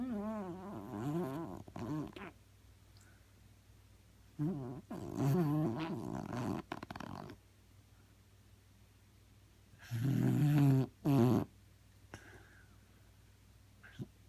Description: Sadie the snoring Beagle